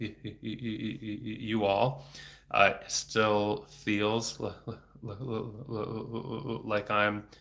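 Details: Stuttering in a 34-year-old man, a speech-language pathologist, stuttering since age eight (about 26 years); he had speech therapy off and on until his early 20s and speaks without fluency strategies; frequent repetitions and blocks.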